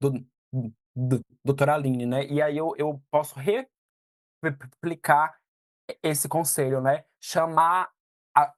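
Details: 22-year-old man who stutters; stuttering.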